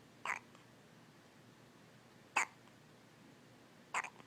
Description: Baby has the hiccups.